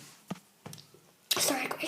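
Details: Baby panda: a few faint snuffles, then one sudden loud sneeze followed by a startled clatter; sneezing.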